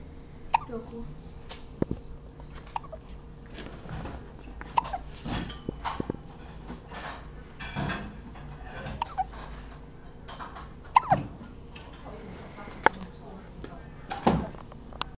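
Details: Infant almost 2 weeks old: short, sharp gulping catches recurring irregularly over quiet room noise and faint voices; hiccups.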